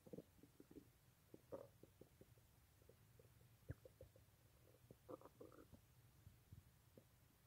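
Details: Late at night, with a person unable to sleep because of a restless stomach: irregular soft gurgles, clicks and brief rumbles from the abdomen. Active bowel sounds, ordinary stomach rumbling.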